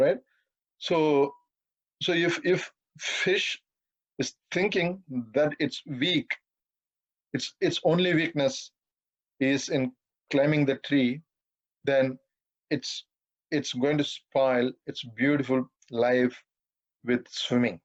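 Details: 42-year-old man who has stammered all his life and says he stammers occasionally in this talk, given at a stammering association webinar; stuttering.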